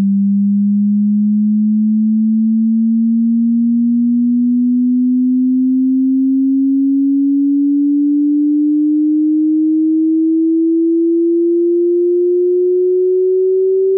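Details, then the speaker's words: Hearing test tone sweep for checking audible frequency range: a single pure tone gliding slowly upward from a low hum to mid-low pitch. "まず、あなたと一緒に聴力検査をしましょう。聞いて、どの周波数範囲で音が聞こえるかを確認してください。"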